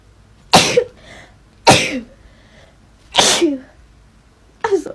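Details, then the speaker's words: Four forceful sneezes about a second apart, each a sharp burst with a short voiced tail; repeated sneezing triggered by a nasal swab during a lateral flow test. "I thought I would film myself doing a lateral flow test just to show you how much it makes me sneeze I hate doing that for everyone this is going to make me sneeze okay"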